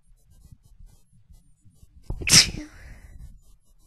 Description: Alright so this is just some of my normal sneezes. :) Haha, Nothin special.